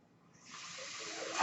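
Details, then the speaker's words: The speaker's own home mechanical ventilator: a soft airy hiss builds steadily over about a second, the rush of air of a delivered breath. "hello everyone that noise you're hearing is my ventilator and welcome to page turners they were not my story's right just"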